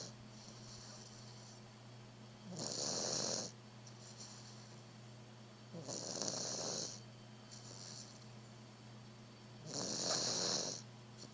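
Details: Three loud, rasping snores about four seconds apart over a steady low hum, each followed by a softer hissing out-breath, from a worn-out sleeper loud enough to hear from the next room: snoring.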